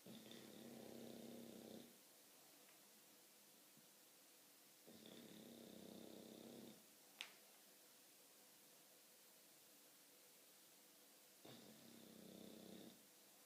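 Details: English bulldog asleep, snoring and dreaming: three slow, rumbling snores about every five seconds, roughly 12 breaths a minute, with quiet gaps between. Snoring.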